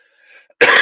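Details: A single abrupt, loud cough burst after a brief quiet stretch, from an adult man who says he has been sick.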